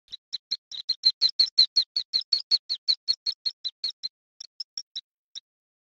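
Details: Stuttered vocalizations from mice bred with a gene mutation found in some people who stutter; the abnormal vocalizations are somewhat akin to human stuttering.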